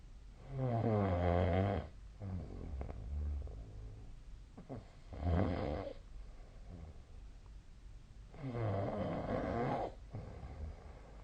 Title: 🐽 本日のイビキ / Snoring Sleep Sound 2025/02/02